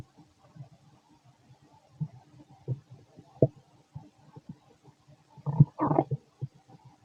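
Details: Fit adult male's abdomen while digesting, very loud: irregular low gurgles and rumbles with a louder churning burst near the end; bowel sounds (borborygmi).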